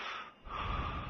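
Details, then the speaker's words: Simulated sleeper (model) gives a sudden loud snorting gasp for air with body movement, the strong arousal ending an obstructive apnea; brain activity rises and heart rate nearly doubles after arousal. "that is why an apnea always triggers a strong arousal with severe effects on the body our model gasps for air causing a sudden movement in the noise TRS brain activity increases significantly"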